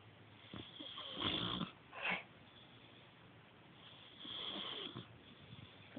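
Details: An old male pet, fully asleep in a feather-ball bed, snores with noisy, rasping breaths recurring every few seconds against background hiss.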